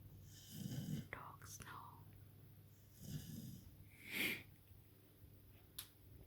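Soft, low rasping breaths with faint snorts in a quiet room, a dog snoring.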